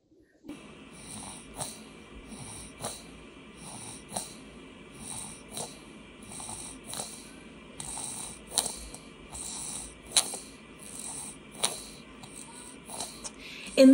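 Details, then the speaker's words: Child with congested breathing and visible chest retractions: noisy, snuffly, congested breaths at a quick, steady pace, typical of upper airway congestion. "one you can hear congestion which can be typical but you see retractions which are not not normal"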